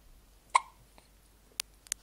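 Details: Someone mesmerised by a light gives one sharp, clear hiccup, followed by faint clicks and small noises in a quiet room.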